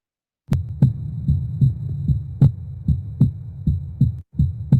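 Simulated heart sounds through a stethoscope, regular thumps at about 75 beats a minute over a low hum.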